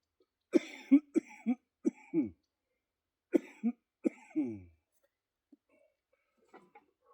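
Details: Productive cough in cystic fibrosis during a chest workout doing dips: two clusters of about ten harsh coughs, some ending in a groan; the person feels mucus in the upper lungs and is wheezing.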